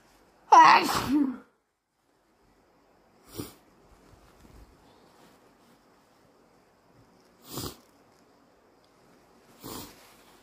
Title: Very snotty morning - Induced sneezes and nose blowing